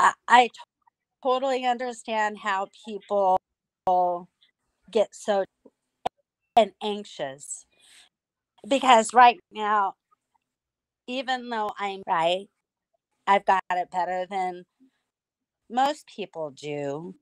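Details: Aphasia in an adult woman after strokes from a carotid artery tear. She could barely talk and relearned speech with a speech pathologist through singing. She still sometimes cannot speak.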